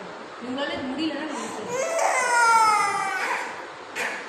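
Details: Young child during therapy sessions gives a rising, wailing, distressed cry with sobbing breaths in a small room.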